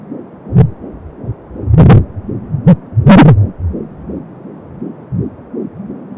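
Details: Fetal heartbeat at 12 weeks of pregnancy on an Angel Sound home fetal Doppler, about 170 a minute, fast and soft, partly masked by loud scraping bursts from probe movement.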